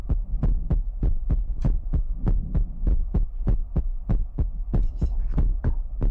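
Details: ASMR recording with mouth sounds, ear picking, water drop bottle and heartbeat: steady, deep thumping beats at about 97 a minute over a low hum; heartbeat.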